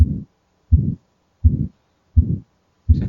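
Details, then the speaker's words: Systolic ejection murmur of severe aortic stenosis: regular heartbeat near 83 a minute, each beat a rough systolic murmur where only the first heart sound is heard, no clear second sound. "escucha un soplo ectivo donde se logra escuchar solo el primer tono"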